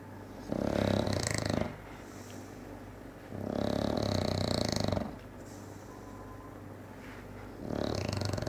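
A bulldog's rough, rattling snore-like noise with each breath while awake, which is stertor from a narrowed upper airway.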